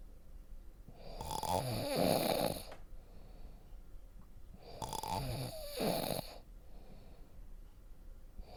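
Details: Loud rattling snores on inhaling with quiet breathing between, about every four seconds (roughly 14 breaths a minute); relaxation snoring compilation for sleep; snoring.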